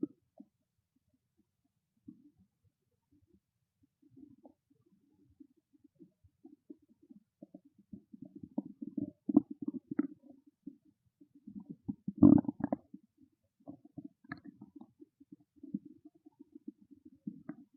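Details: Quiet gurgles and bubbling rumbles building to a louder growl: hunger-related stomach growling, normal borborygmi.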